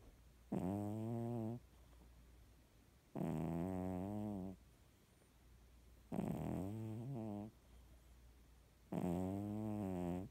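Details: Sleeping cat snoring for about two hours since midnight: rhythmic buzzing snores, about 22 breaths a minute, each lasting roughly a second.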